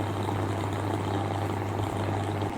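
Steady low electrical hum with a constant hiss from a running steam inhaler.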